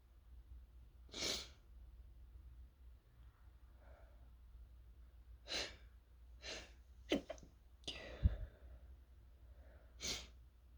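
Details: Sneezing set off by fumes from toasting chili peppers, with a sore throat, trying to stifle: about five sneezes, some partly stifled and muffled, with sighing breaths between.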